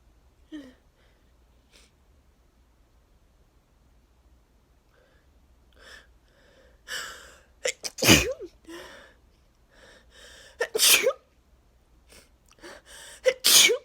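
Several forceful sneezes in quick succession with sharp in-breaths between them; a sneezing fit, apparently allergic, triggered by cut grass.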